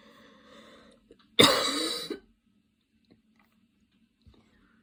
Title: rest of the afternoon cough, the video is a bit old, im posting it just now